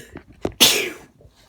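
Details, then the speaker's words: Single sharp sneeze, quick inward catch of breath then a loud hissing burst, deliberately triggered by wiggling a rolled tissue up the nose. "so you're gonna stick it up your nose and wiggle it around watch"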